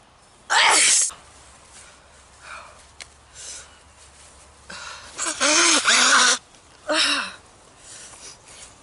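Three forceful sneezes in quick succession with brief breaths and sounds between. An allergic sneezing fit.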